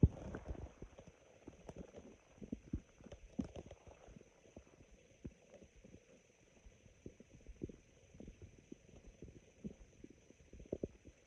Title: Very sparse and raspy stomach growls